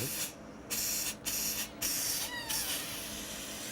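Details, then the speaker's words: Two or three short hissing bursts as a small amount of dilute indigo carmine is sprayed toward the antrum through a Fujinon EG-530N ultrathin transnasal gastroscope, with the patient in the left lateral position; endoscopic dye spraying. "A small amount of diluted indigo carmine is sprayed."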